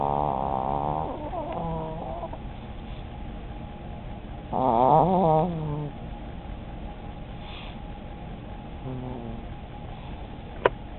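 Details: Old female chihuahua snoring and dreaming, chewing in her sleep: irregular nasal snoring and soft rattling sounds over steady background hiss.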